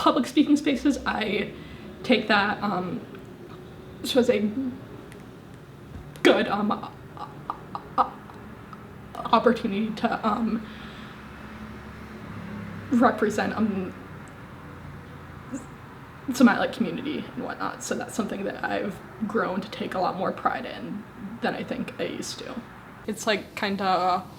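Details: 25-year-old woman with a severe stutter, speaking with repeated fillers and pauses; stuttering.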